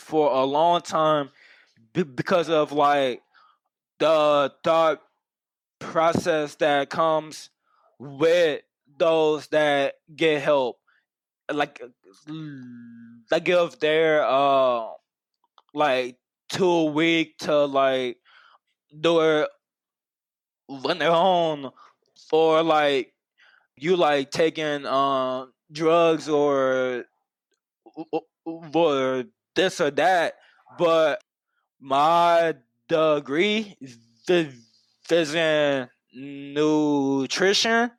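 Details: Stuttering in an adult man who has stuttered for as long as he can remember.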